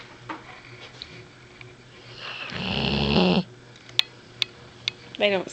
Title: American Bulldog Snoring.MOV